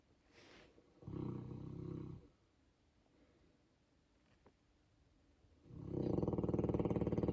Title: Polski Owczarek Podhalanski is snoring.